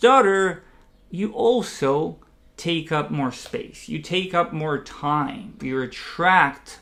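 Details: Adult man who identifies as a person who stutters; stuttering.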